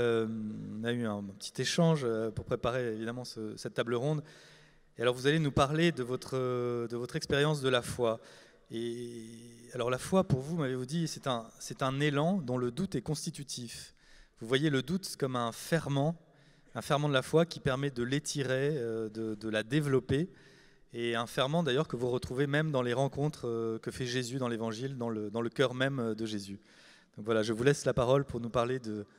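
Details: Adult male speaker; normal voice.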